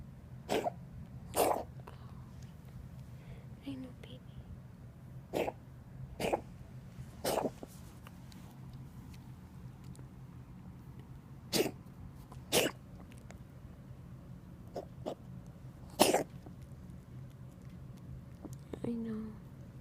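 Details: A kitten with pneumonia gives about nine short, sharp coughs in small clusters: a pneumonia cough.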